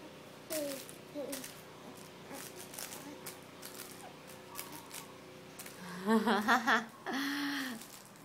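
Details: A baby lying on his playmat gives several brief, abrupt hiccup sounds, then coos and babbles in a quiet room; hiccups.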